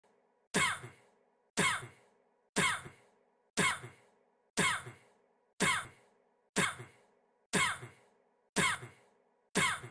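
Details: Cough of a K-pop singer, a short cough burst looped about once a second, ten identical repeats over faint hum; sourced from another video, not a real continuous cough.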